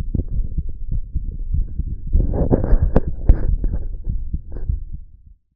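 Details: Listening to my own heartbeat: muffled low thudding, around 105 beats a minute, under rumbling handling noise.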